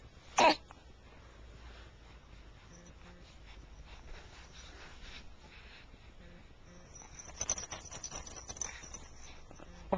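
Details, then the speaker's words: Morning recording with a Flip Video camcorder; one sharp, explosive burst, then quiet room noise and faint shuffling: a single sneeze. "Oh. Look at another sneeze. This is morning happy time."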